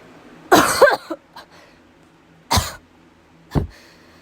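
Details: Three separate cough bursts from an adult who says they are sick with a stuffy nose and probable sore throat, the first burst longer and partly voiced, in a quiet room.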